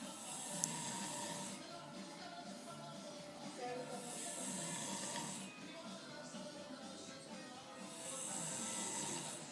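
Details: Person asleep, recorded in 2016: slow, rough snoring breaths about every four seconds, with music playing in the background.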